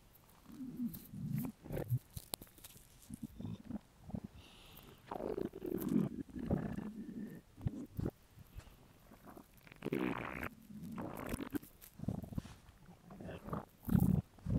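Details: A male's empty, hungry stomach: irregular low gurgles and rumbles coming and going over several seconds, ordinary hunger borborygmi.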